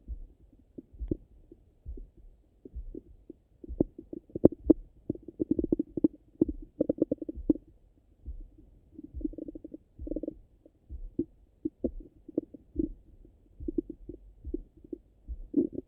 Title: Stomach Rumble after Breakfast 🥖🫧🩺